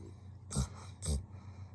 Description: The best Video with Funniest Animal’s 2023, Laughter together. Snoring 😴 dog . Do u see that?